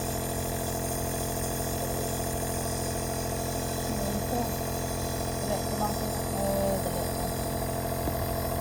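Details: Compressor nebulizer running during a breathing treatment of a sneezing baby: steady, loud mechanical buzzing hum with faint voices in the background.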